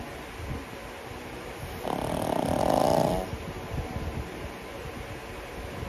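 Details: 10-month-old pug dog snoring loudly: a single loud, harsh snore lasting about a second, with soft snuffling breathing before and after.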